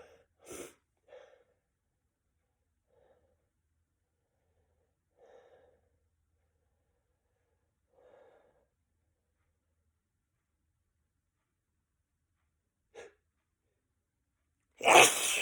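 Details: Person with a cold caught on New Year's Eve, sneezing fit the next day: several build-up breaths and catches, then a sharp sneeze and a louder final sneeze.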